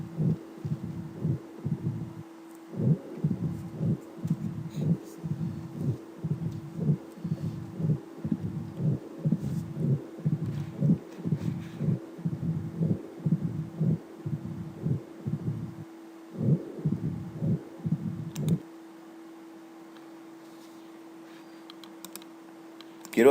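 Regular heartbeats near 60 a minute with murmur filling between beats over a steady hum: mixed mitral valve disease, stenosis with regurgitation.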